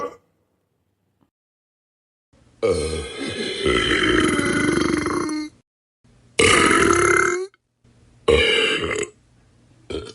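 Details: Burp sound-effect compilation: three drawn-out belches, the first long and rolling, the next two shorter, with silence between; burping.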